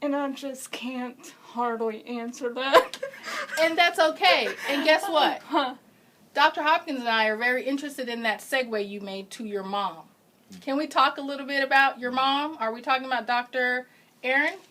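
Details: Adult woman speaking; typical speech.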